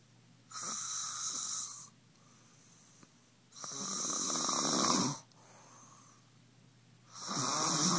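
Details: Three long, harsh, whistly snores about every three seconds over a steady room hum, from a female sleeper in New York City; loud snoring.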